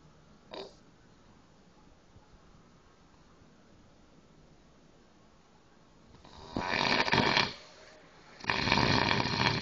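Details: Sleeping man snoring hard: two loud, harsh rattling breaths about two seconds apart, separated by quiet pauses; heavy snoring.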